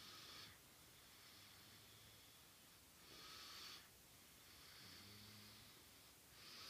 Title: Sleep and snore 012314